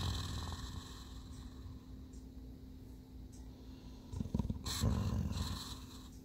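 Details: Sleeping dog snoring: low, rumbling, fluttering breaths with louder snorting snores toward the end.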